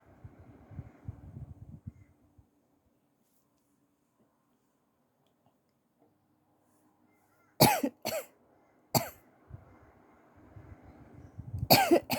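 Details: An adult, still sleepy in the morning, gives about five short, dry coughs in two brief clusters after quiet rustling and a long silence, from a throat tickle.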